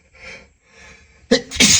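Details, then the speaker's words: Acted male sneezing in a staged scenario, hiding in a dusty closet while trying to stifle sneezes: two soft drawn-in breaths, then a sharp two-part explosive sneeze. "I can't I can't stifle them anymore. Oh god, I'm going to sneeze again."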